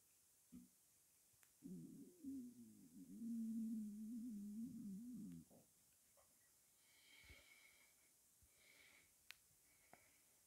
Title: Cola swirling around my stomach